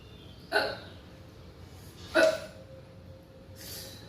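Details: Two brief, sharp, involuntary catches of breath about 1.7 seconds apart in a quiet room, from a girl right after eating extremely spicy food and needing water; hiccups.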